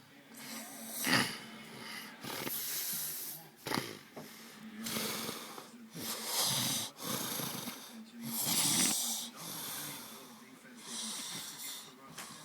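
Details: Person asleep, snoring: repeated noisy, airy breaths with a faint low rumble, about ten a minute.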